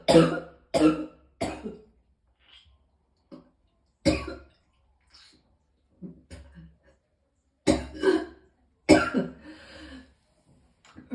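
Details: Repeated harsh coughs in clusters with quiet gaps, about seven strong bursts plus weaker ones, with throat clearing, from a person in extreme pain who was also vomiting.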